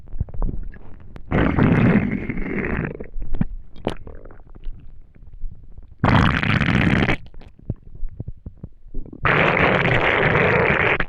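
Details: Empty, hungry stomach after not eating for a day: borborygmi (stomach rumbling).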